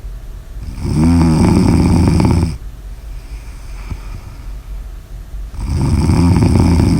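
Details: Loud, rattling snores on two in-breaths, with quiet breathing out between; snoring.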